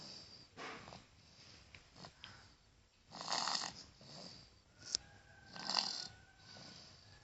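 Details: A sleeping child with a cold and cough, whose breathing is not smooth, makes irregular, noisy, rattly snoring breaths that sound obstructed.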